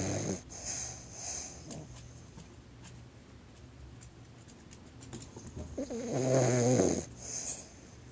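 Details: Sleeping dog found asleep when owner got home from work: a few soft, irregular snoring breaths ending in a louder snort, with faint room noise; snoring.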